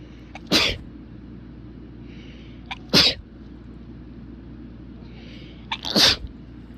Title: Strong sneezes